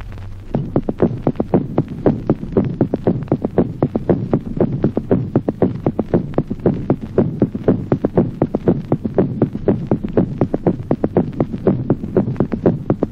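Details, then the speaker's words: Pathological third heart sound in an adult, teaching recording: fast regular heartbeat with an extra dull low sound after the second sound, giving a galloping rhythm (S3 gallop). "Ejemplo vigésimo. Tercer ruido cardíaco audible como signo patológico en los adultos."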